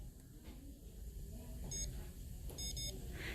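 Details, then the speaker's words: Several short high electronic beeps from a DIAGNOdent laser caries detector held to a dried non-restored anterior tooth to zero-calibrate it to the patient; device calibration beeps. "So you'll hold it to the tooth and you'll wait till you hear beep beep beep."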